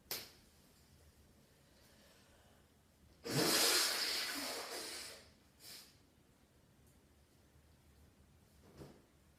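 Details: A standing head sneeze: a single forceful, hissing burst of air followed by a brief fading exhale in a quiet room.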